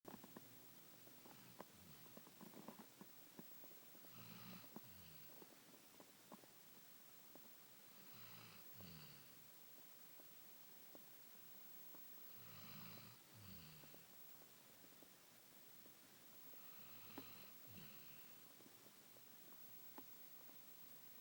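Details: A sleeping Labrador dog snoring: soft, regular snores about 14 a minute, each with a faint double rasp.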